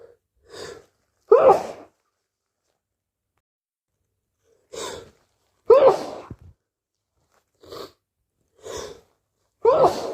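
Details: Four wet cold sneezes, each with a short inward breath before a forceful burst; repeated sneezing with a cold.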